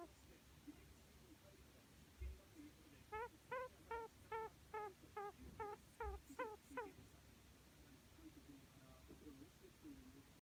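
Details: Pet budgerigar under treatment, with abnormal breathing sounds heard intermittently: a run of faint, squeaky chirps repeating about 150 a minute with each breath, over room noise.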